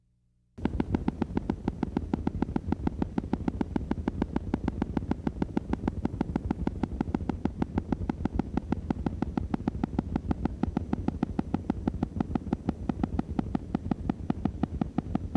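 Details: Needle EMG: high-amplitude, long-duration motor unit potentials from reinnervation of denervated muscle. Heard as loud, deep, rapidly repeating thuds of large, long motor units, typical of chronic denervation.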